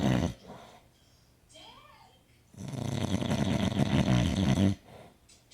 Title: Snoring man